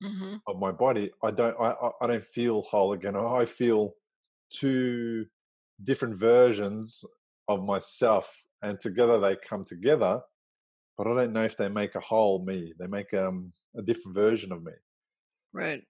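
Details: Adult speaker; ordinary speech.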